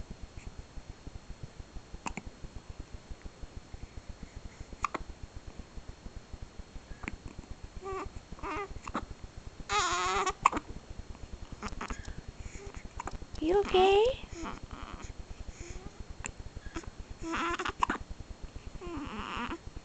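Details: One-month-old infant with hiccups: brief sharp hiccup catches mixed with soft coos and fussy vocal sounds.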